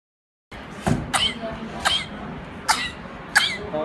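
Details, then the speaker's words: Afebrile 4-month-old infant with 1–2 weeks of worsening cough, not helped by beta-lactam antibiotics or saline nebulisation, without coryza or wheeze: short single coughs separated by breaths, a cough-breath-cough staccato pattern. "coughing breathing coughing breathing so what can I say in between every every cough the child breathes or in between every breathing the child coughs this is called cough breath cough breath cough breath pattern"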